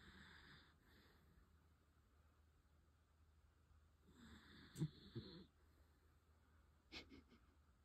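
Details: 14-year-old dachshund snoring while asleep at bedtime: quiet, noisy hissing breaths with a soft rattling snort; snoring.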